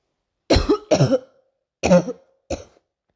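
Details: Four short, dry coughs at night in a quiet room, the first two close together.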